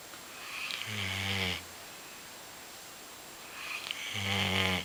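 Two rattling, buzzing snores on the in-breath, with quiet pauses between, from a sleeping dog.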